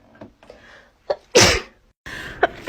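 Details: Sneezing compilation clip: short inward breaths, then one loud explosive sneeze followed by a breathy exhale.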